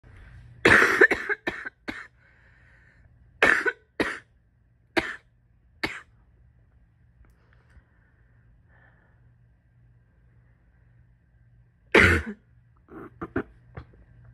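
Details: Repeated loose, rattly wet coughs from an adult with asthma.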